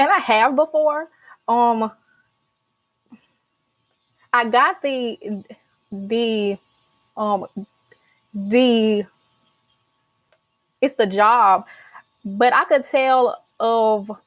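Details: Stuttering in a young adult woman, a senior college student, who began speech therapy in college; stuttering.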